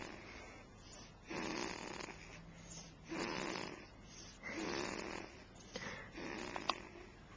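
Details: Four rough, noisy snores with quieter pauses, about eight breaths a minute; snoring during sleep, recorded on a Flip Video camcorder.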